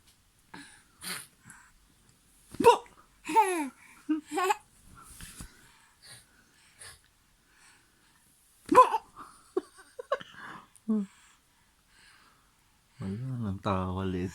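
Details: Simulated: animated character Vegeta laughs in bursts broken by sudden sharp gulps like hiccups; acted, not real.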